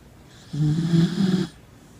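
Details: A tired female Corgi sleeping after a big day at the dog park, snoring: a single loud, low, rattling snore lasting about one second.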